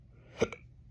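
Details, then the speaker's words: Adult on day 4 of persistent hiccups since Wednesday, throat raw, who went to the ER: single sharp gulping hiccup with a brief echo in a quiet room. "my throat is raw uh just from the thousands T tens of thousands of hiccups have had to endure"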